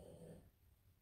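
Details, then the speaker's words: A sleeping small female dog snoring very loudly: one low, rumbling snore fading into quiet room noise; snoring. "J'ai mon petit chien qui ronfle, mais elle ronfle très fort. Je sais pas si vous l'entendez."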